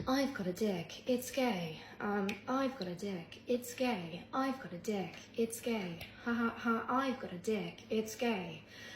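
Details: Repetitive phrase vocal tic in a person with Tourette syndrome (chronic whistler); tics heavier after holding them in for a while; the rhythmic phrase tic was picked up from another creator and recurs several times.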